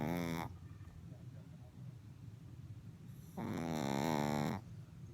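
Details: Two drawn-out, buzzing breath sounds separated by quiet breathing, from a female puppy asleep standing up behind her blanket, TV talk faintly in the background; puppy snoring.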